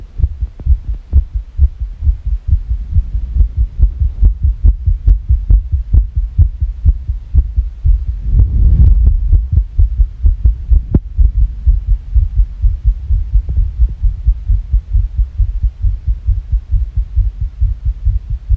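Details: Fast irregular heartbeat, around 130 per minute with unevenly spaced beats; labeled as sick.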